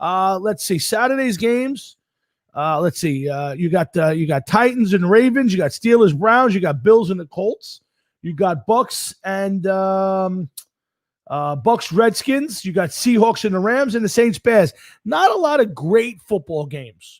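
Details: Adult man speaking; normal voice.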